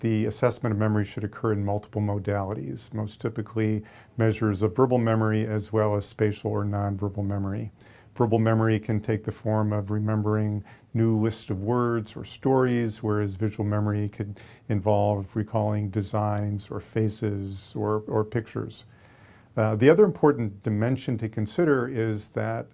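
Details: Adult male speaker, lecture; normal speech.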